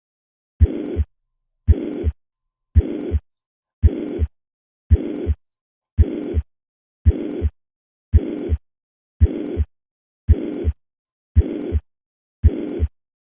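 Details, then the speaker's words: Mitral regurgitation: regular heartbeat near 56 a minute with an even, uniform plateau-shaped blowing holosystolic murmur, reflecting a constant left ventricle–left atrium pressure gradient throughout systole. "in mr there's also a pressure gradient during systole but in this case it is between the lv and la and the magnitude of the gradient is essentially constant throughout systole thus mr murmurs are typically uniform"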